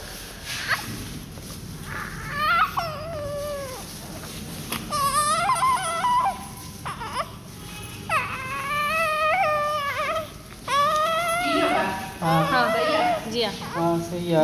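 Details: Repeated strong, high-pitched cries in bursts with gasping pauses and faint background noise from a heavy 4 kg newborn during meconium cleaning just after birth, with maternal diabetes suspected; a vigorous newborn cry.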